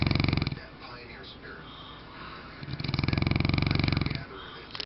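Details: Deep, fluttering snores from a large mastiff, each a low buzzing rattle, with quieter breathing and room noise between; snoring.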